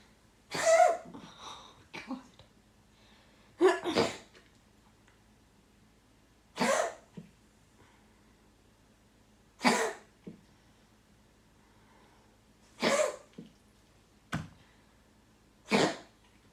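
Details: Six sharp explosive bursts, each often followed by a smaller one, spaced a few seconds apart in a quiet room; repeated sneezing.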